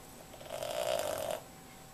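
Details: Bernard snoring so loudly he can sometimes be heard on another floor of the house: a single buzzing, fluttering breath lasting about a second; snoring.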